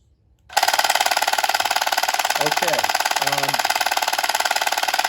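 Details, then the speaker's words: Loud, rapid mechanical hammering at about 220 pulses a minute with a harsh buzzing edge and a brief voice over it; the Phoenix at-home low-intensity shockwave therapy device for erectile dysfunction running. "i do want to comment on is that a lot of guys have said the phoenix is very noisy and they're they're right it's not quite jackhammer but it's definitely more than vacuum cleaner"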